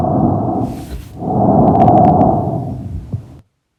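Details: Normal tracheal (bronchial) breath sound.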